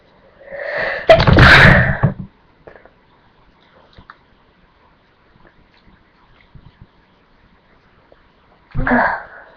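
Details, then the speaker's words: Two sneezes, a loud one with an audible in-breath beforehand and a shorter one near the end, from a person feeling sneezy who wonders if outdoor air or a shampoo is the cause. "It might be outside or I don't know, it might be this shampoo I use."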